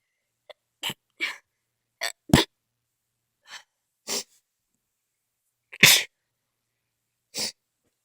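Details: Sneezing fit after being outside, some sneezes stifled and some not: about nine sharp, explosive bursts in quick, irregular succession over eight seconds.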